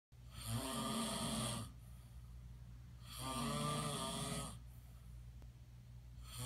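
Two long, rattling inhaled snores with quiet pauses between them, roughly three-second breaths, about 10 to 12 breaths a minute: snoring.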